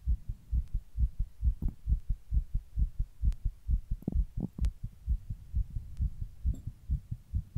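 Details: Own heart recorded while sitting in 100-degree heat during a heatwave: regular, rapid low thumping at about 130 beats a minute, tachycardia.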